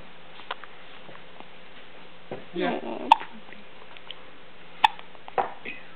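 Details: Infant girl aged 1 month 30 days with hiccups: a few abrupt, clicking hiccups spaced seconds apart over steady room hiss and brief speech; hiccups.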